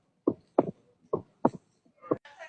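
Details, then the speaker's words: Simulated heart sounds in a quiz: a sharp extra click after the second heart sound, an opening snap of mitral stenosis. "that's got to be an S3 that is opening snap in mitral stenosis that's crazy"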